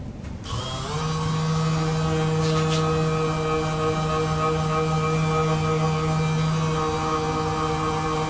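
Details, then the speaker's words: Percussive vibration massage device used during a chiropractic adjustment session, before the Y-strap adjustment is repeated: a steady motor buzz with a continuous low whine and faint music behind. "all right we're gonna use the vibration and then we're gonna do that one strap again okay"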